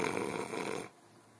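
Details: Snoring recorded 11 June: a loud, rough, rattling breath noise lasting under a second, then quiet.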